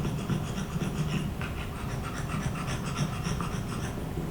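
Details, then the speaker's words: Dog that has had surgery for brachycephalic airway syndrome, panting while playing fetch: rapid, rough, harsh, phlegmy, congested panting from an obstructed flat-faced airway. "so that sounds really harsh and phlegmy, and she has to hold her breath before she goes and gets that ball, because once the ball is in her mouth, there's no space for her to breathe."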